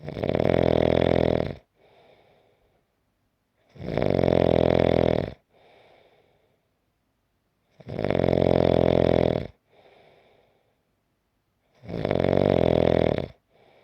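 Loud, rattling snores on each in-breath, about 15 breaths a minute, with softer airy out-breaths.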